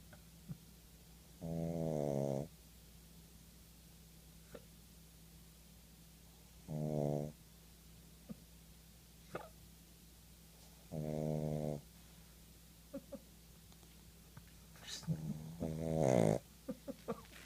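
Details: Tired pug snoring in sleep: rattling, buzzy snores on each breath, about 13 a minute, with snuffling and small snorts.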